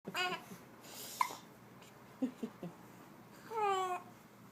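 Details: Baby hiccups amid movements: soft infant babbling with a few brief, sharp hiccup sounds in quick succession between vocalizations.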